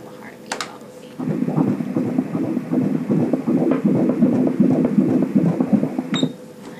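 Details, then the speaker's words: Fetal heartbeat on a 19-week 3D/4D sonogram of a boy: fast, regular whooshing pulses at 158 beats a minute, stated as perfectly normal. "heartbeat 158 is perfectly normal"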